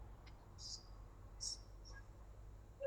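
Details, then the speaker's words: Infant with nasogastric tube feeding and tracheostomy: short, high-pitched whistling breath noises; inspiratory stridor from vocal cord paralysis. "Miren el estridor. Parálisis cordal."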